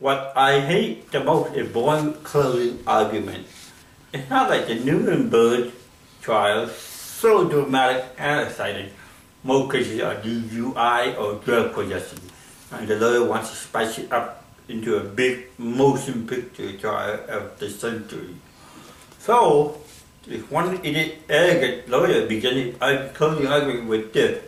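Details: Male comedian with cerebral palsy; dysarthria (cerebral palsy).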